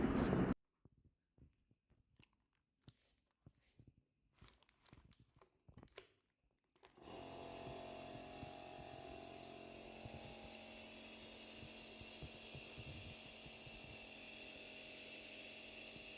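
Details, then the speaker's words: A few quiet clicks, then a steady buzzing motor hum as an Omron NE-C106 compressor nebulizer (230 V, continuous mode) is switched on and starts producing medication mist for inhalation. "இயற்றியவுடன் தெளிமருந்து ஆவி சுரக்கத் துவங்கும்"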